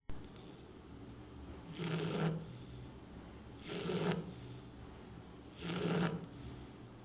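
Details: Martha, a Shar Pei dog asleep at her new home, giving three regular rasping snores about two seconds apart, roughly 30 a minute, in a quiet room; loud snoring.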